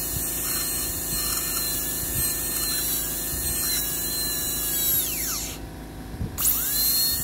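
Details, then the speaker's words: Steady high-pitched whine that drops, stops briefly, then spins back up as a high-speed dental handpiece cuts a practice MOD Class II prep on a mandibular first molar. "Look at my hand, how I'm supporting this, holding this handpiece to safely drill the toot"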